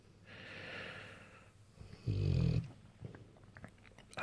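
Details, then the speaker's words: Bullmastiff snoring loudly while asleep: a long whistling breath out, then a loud, deep, rattling snore on the breath in, with faint scratching after. "I've got four company as I said the passive does snore loudly he's taken over my pillow"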